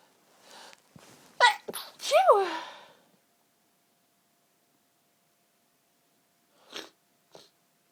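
Several quick sneezes in a row, each with a sharp intake before it, then two softer sounds after a pause.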